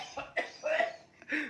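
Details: Person learning to vape coughs after inhaling vapor: a few short, soft coughs in quick succession with a little room noise.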